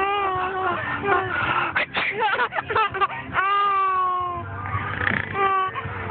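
Rising and falling infant wails and whimpers with a clear tone. No sneeze is evident, just an ordinary infant cry.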